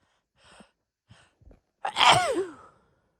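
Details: Hitchy sneeze, female: three soft catching inhalations build up before one loud voiced sneeze with falling pitch, a hitching lead-in to a sneeze.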